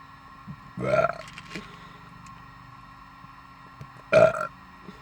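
Two loud, throaty belches with a quiet pause between them, each about half a second long. Ordinary burping.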